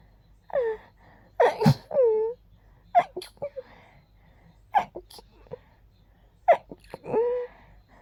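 Several soft, breathy sneezes with a gasping intake before each, separated by quiet breaths; a quiet room.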